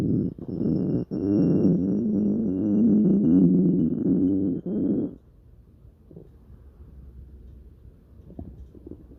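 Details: Dog's stomach growling (borborygmi): a loud, low, rolling gurgle lasting about five seconds, then quieter gut sounds.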